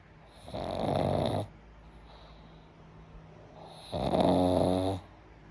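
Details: Boy snoring very loudly: two loud, rattling snores about three seconds apart, with quiet breathing between; heavy snoring.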